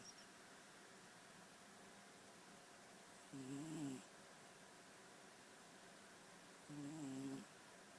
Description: Snoring cat. Turn your speakers up.